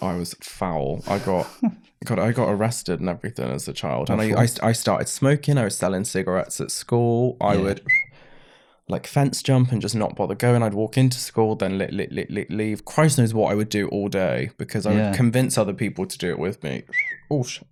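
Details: Adult man with Tourette syndrome diagnosed in his mid-20s after illness, brain swelling and brain damage, with a stammer on every word after seizures; vocal tics with word repetitions.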